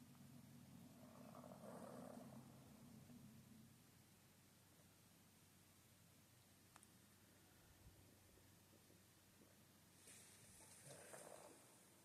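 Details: Furry pet sleeping and snoring very loudly for its size: quiet, rumbling, fluttery breathing with two louder snoring breaths about eight seconds apart, in a quiet room.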